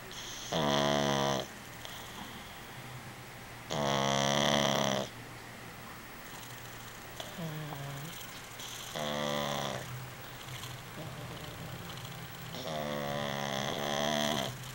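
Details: Sleeping animal snoring with whistling, tonal noises about every three to four seconds.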